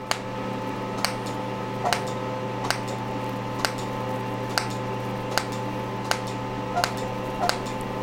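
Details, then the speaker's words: Ellman Cortex erbium:YAG laser treating large lentigines (brown spots) on a patient's face, two passes at 800 millijoules, pulse rate 4: sharp ticks roughly one a second over a steady machine hum. "And she's got these large lentigos or brown spots here. So we're going to use the erbium for this."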